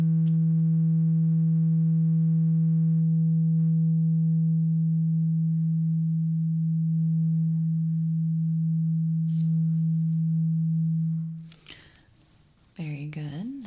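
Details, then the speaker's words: Role-played ASMR ear exam, simulated: a low, pure, steady hum of a struck tuning fork rings for about eleven seconds and fades, in a hearing test before clearing earwax buildup; the listener, eyes closed, reports when the sound stops. "So, I am going to get a tuning fork and I need you to close your eyes and I want you to tell me when you hear the tuning fork sound."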